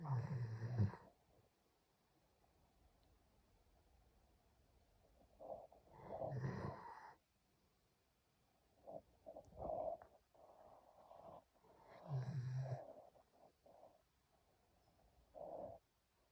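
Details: Irregular soft snorts, snuffling breaths and a few brief rumbling snores from a German Shepherd dog asleep on its owner's lap in a quiet room.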